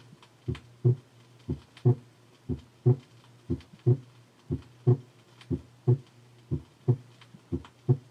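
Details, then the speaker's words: Physiological inspiratory splitting of the second heart sound with slow respiration, 1968 auscultation teaching record: regular heartbeat near 60 a minute, second sound single or slightly split in expiration, splitting with inspiration. "normally the second heart sound is single or very slightly split in expiration and shows splitting with inspiration let us listen to inspiratory splitting of the second sound as it might occur with slow respiration"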